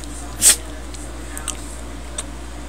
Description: Pomeranian sneezing on command